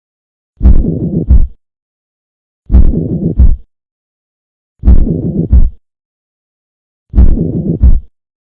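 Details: Four heartbeats, each with a harsh murmur filling the whole gap between first and second heart sounds, best heard at the left sternal border; ventricular septal defect, pansystolic murmur.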